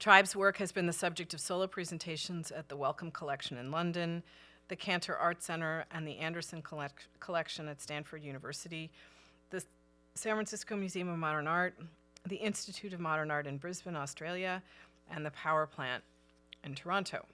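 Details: Adult woman speaking; normal speech.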